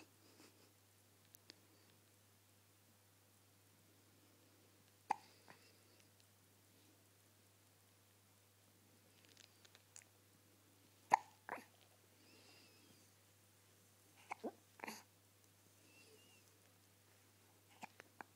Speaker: Got the hiccups, buddy? Oh my goodness. Oh my goodness.